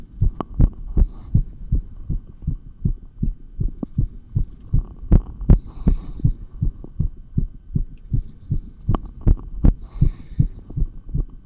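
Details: Real stethoscope recording of an exerciser's heart during exercise with 20 lb dumbbells: fast, regular heartbeat about 150–160 bpm, clear paired thumps, some rubbing noise; normal heart sounds during exertion.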